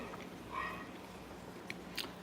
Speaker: You can probably hear my jaw clicking, Candy.